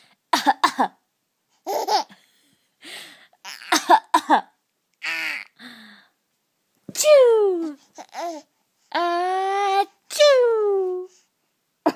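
Short playful coughs mixed with laughter and babbling from a baby; coughing on purpose for fun, no distress.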